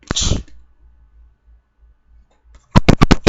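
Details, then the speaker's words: Fake sneeze performed as a prank with a spray bottle: a single sharp sneeze burst, then quiet and a run of loud clicks or knocks; simulated sneezing. "Right now I'm gonna show you another prank. So, this is the sneeze prank."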